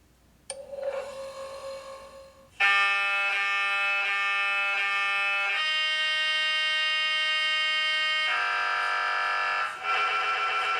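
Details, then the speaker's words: Simulated MRI scanner sounds in a prototype augmented-reality demo meant to prepare child patients for an MRI, with loud steady electronic buzzing tones and rhythmic pulsing that shift in pitch. "if you'd like to hear some of the other sounds an MRI machine makes feel free to keep hitting the button"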